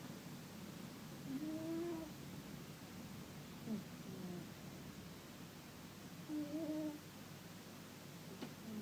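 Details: Soft, quiet snoring breaths from a sleeping cat, two clear snores over low room noise; snoring.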